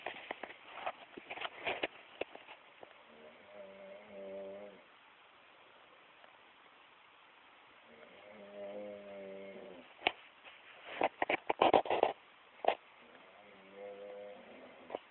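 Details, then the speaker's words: Person snoring while asleep: two slow, tonal snore sounds on breaths, separated by quiet pauses, with sharp clicks and rustling between them. "Spencer and trying to sleep. Douchebag snoring all"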